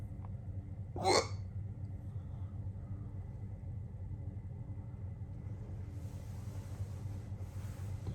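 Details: One sharp, abrupt hiccup near the start amid a long, persistent hiccup bout, then quiet with steady low vehicle rumble.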